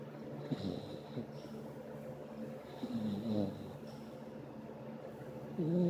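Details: Puppy snoring under the covers: soft, rumbling snores with small whistles over steady background noise.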